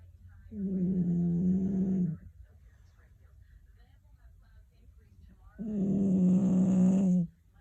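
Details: Two drawn-out, slightly whining, buzzy snores about five seconds apart, separated by quiet pauses; snoring during sleep.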